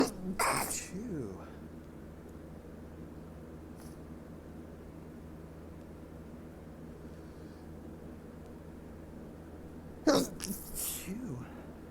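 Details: Two forceful sneezes separated by quiet room hum, followed by heavy exhales; intense morning sneezing fit attributed to ragweed allergy.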